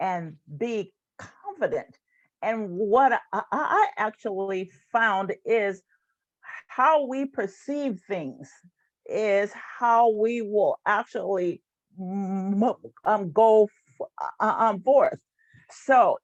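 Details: Stuttering in an adult woman who has stuttered since about age seven and leads a stuttering support group; stuttering.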